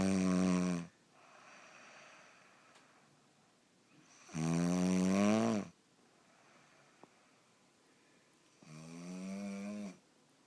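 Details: Woman snoring in sleep: loud, rattling snores on each in-breath, about 13 a minute, with quiet out-breaths between, in a small room.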